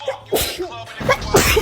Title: Girls Sneezing vs Boys Sneezing #5